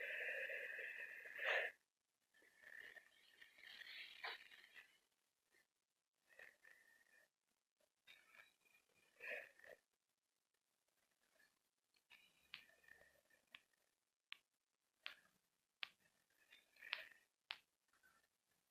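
Faint, irregular whistling and snorting breath noises near the microphone, about 49 a minute; noisy breathing.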